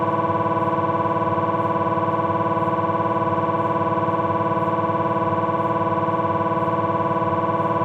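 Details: Philips 1.5 T MRI abdominal scan: steady, loud, rapid buzzing pulses, about 220 a minute, MRI scanner noise during a fat-suppressed T1 sequence.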